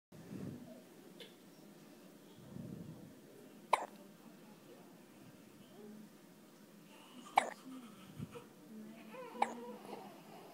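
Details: Hiccups: three sudden sharp hiccups a few seconds apart over soft infant sounds and room noise.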